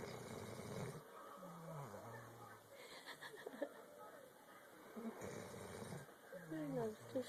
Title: Snoring puppy!!!!